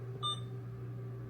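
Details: A single short electronic beep from the keypad of an Alaris 8100 infusion pump over a steady low machine hum, heard while a heparin drip is programmed on channel 3 through the drug library.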